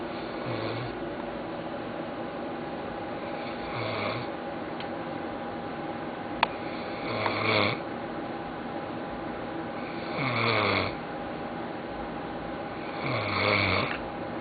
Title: Yak Sack Snoring